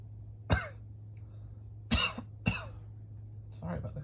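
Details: Three short, sharp coughs from an adult man with sinus irritation and suspected allergies, then a brief voiced sound, over a steady low hum; cough.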